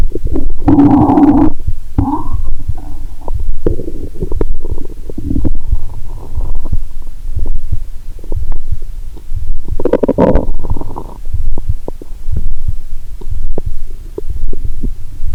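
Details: Loud gurgling and rumbling bursts through a stethoscope on the abdomen while lying down after drinking cola with Mentos, over a low steady hiss, strong gurgle midway: active bowel sounds.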